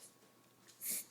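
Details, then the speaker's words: A 5-month-old female mini dachshund puppy has periodic episodes with chest heaving and nose flaring, heard as one brief, harsh snorting noise. The vet suspected reverse sneeze rather than kennel cough, and bloodwork was normal; the owner is unconvinced. "this is awful it's like she's having trouble breathing and trying to cough something up"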